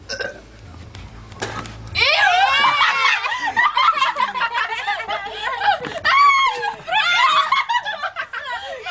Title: burp contest